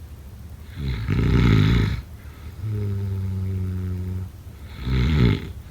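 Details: Snoring during sleep, sound-effect/ASMR recording: deep rattling snores with a droning, tonal exhale between them, repeating every few seconds; ordinary heavy snoring.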